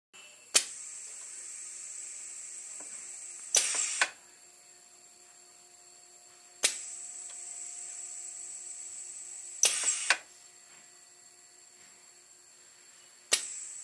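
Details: Prototype ventilator with a rubber ram on an air cylinder compressing a standard 1500 ml resuscitator bag: sharp pneumatic clicks and hissing air bursts about every three seconds; mechanical ventilator cycling.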